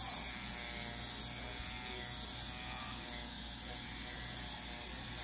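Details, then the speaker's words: Steady high buzz of a motorized dermapen microneedling pen during a stem cell facial with hyaluronic acid and RPRF on a female patient; depth reduced from 2 mm to 1.5 mm on thinner tissue, 2 mm reaching the dermis. "I'm gonna go down from two down to one and a half she's probably I feel a little more comfortable when I do that so I like the two millimeters because it gets me into that just hit the dermal layer"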